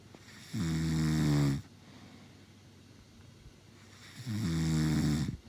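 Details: A woman snoring: two loud, buzzing snores on the in-breath, about four seconds apart, with quiet breathing between; snoring during sleep.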